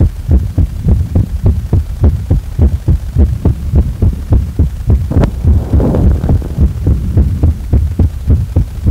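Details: Heart sounds described as a heart cornered after a stressful day: regular, fast, deep heartbeat at roughly 105 beats a minute, with a brief rustling noise midway; a quick heart rate.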